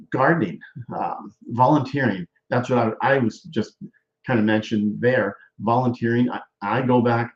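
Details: Aphasia after stroke in a male stroke survivor, with word-finding difficulty; aphasia.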